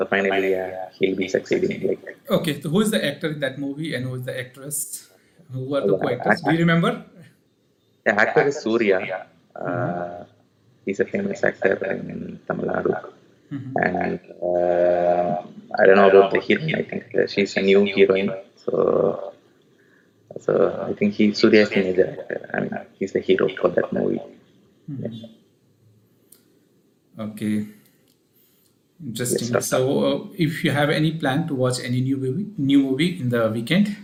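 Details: Adult male with puberphonia (previously high-pitched, female-like voice, sometimes dual voice), speaking after voice therapy; pre-therapy recording 4 Nov 2020; voice now reported stable; puberphonia after voice therapy.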